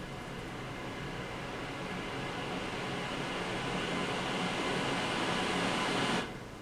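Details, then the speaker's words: Steady airflow hiss and hum from an auto CPAP machine running with humidifier and hose attached, no mask, in a noise comparison of quiet models (ResMed AirSense 10, Philips DreamStation, DreamStation 2 and others); normal operating noise. "resmed's airsense 10 averages 54db the dream station by philips respironics averages 68 db the dream station 2 by philips respironics averages 61 db"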